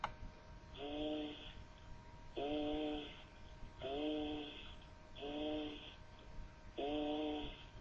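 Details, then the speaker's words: Egophony heard at the border of a pleural effusion while the patient repeats the word "tres". Five short spoken words come through the chest with a nasal, bleating, goat-like quality. "el derrame pleural tiene un límite y en ese límite encontraremos la egofonía conforme el derrame vaya en aumento la egofonía podrá ir cambiando de lugar escuchemos egofonía en un paciente que pronuncia la palabra"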